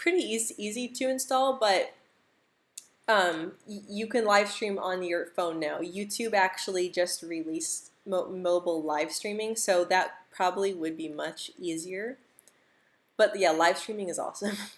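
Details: Adult woman who stutters, speaking during a live stream; stuttering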